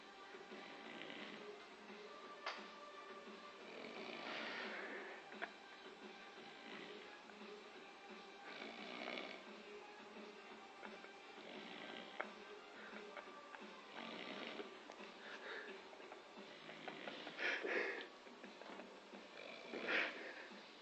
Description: Our American friend passing out on the couch and snoring... sounds of music